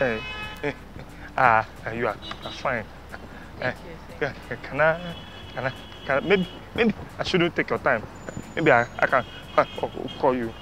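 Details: Stuttering acted by a man playing a stammerer in a street prank, with part-word and word repetitions; not a genuine disorder.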